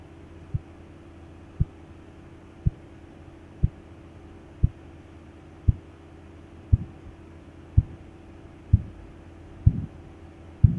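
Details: Regular soft Korotkoff tapping at about 57/min heard while a sphygmomanometer cuff deflates, phases with broad swishing (II), loss of swish (III), sudden volume drop (IV), recorded for teaching.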